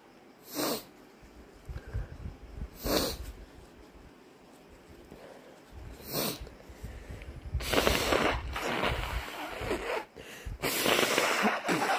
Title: Very snotty morning - Induced sneezes and nose blowing